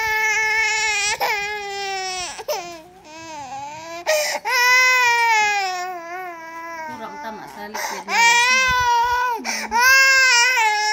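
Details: Infant crying: loud, sustained, high-pitched wailing broken by sharp inward gasps.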